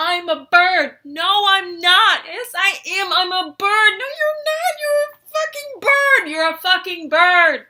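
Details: Woman with Tourette syndrome, coprolalia since early June, demonstrating a complex vocal tic arguing with herself about being a bird, with swearing; complex vocal tic with coprolalia (Tourette syndrome).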